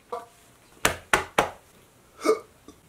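Several short, sharp, abrupt gulping sounds in quick succession in a quiet room: hiccups.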